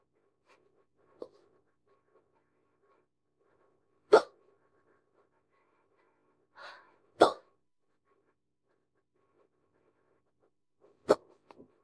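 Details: Hiccups of a woman after drinking a can of beer: sharp, brief hiccups at irregular intervals, about four in twelve seconds, in a quiet room.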